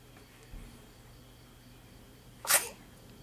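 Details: Single sharp, hissy sneeze in a quiet room after a faint earlier sound, from a baby girl; sneezing.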